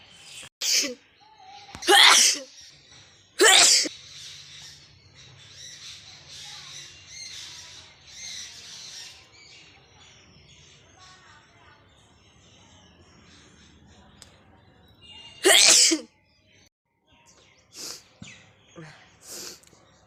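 Several sharp, hissing sneeze bursts, three close together, then quieter ones after a pause; acted sneezes.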